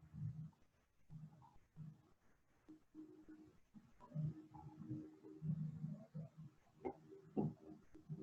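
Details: Korotkoff sounds while measuring blood pressure in pulsus paradoxus (systolic pressure drop greater than 10 with inspiration).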